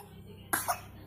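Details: Infant cough: one brief, soft, two-part cough from a baby over a low background hum.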